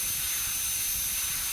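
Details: Steady high-pitched hissing whine of a high-speed dental handpiece and burr held almost straight, cutting the mesial proximal surface of a primary molar on a typodont model during stainless steel crown preparation, feather-edge finish line; simulated demonstration.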